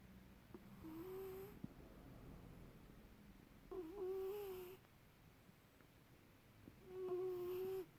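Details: Sleeping cat going into a squeaky snore: soft, whistling, nasal snores about every three seconds, roughly 19 breaths a minute, in a quiet room; light snoring.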